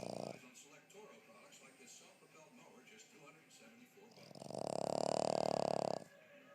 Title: Snores